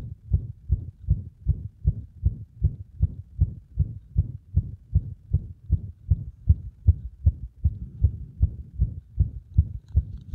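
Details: Heart sounds with frequent arrhythmia attributed to compression of the heart; rapid low thumps, about 150 a minute, mostly steady with occasional uneven spacing; irregular heartbeat with extra beats.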